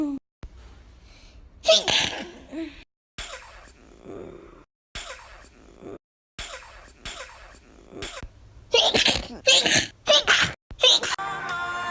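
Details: Compilation of sneezes from different people: a run of sharp, explosive sneezes with short gaps and bits of background talk between them.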